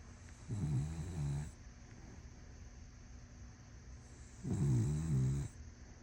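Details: Small dog snoring: low, fluttering snores on each breath in, about four seconds apart, loud for a little dog.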